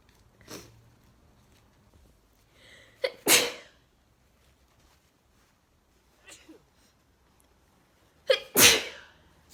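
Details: Adult with a bad summer cold caught from a family member, sneezing: two loud sneezes, each with a sharp inhaled catch before the burst, and fainter sneezes between them, possibly from another person in the background.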